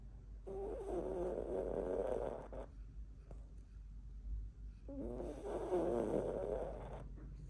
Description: Cookie snores, well, loudly